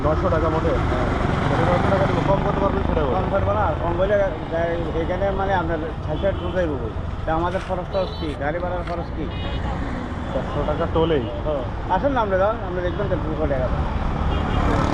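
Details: Several adult men talking outdoors; Ordinary conversational speech.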